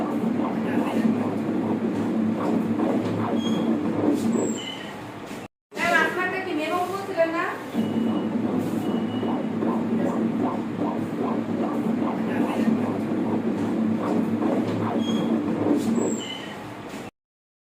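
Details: Normal fetal heart sound recorded during a pregnancy ultrasound (ultrasonogram).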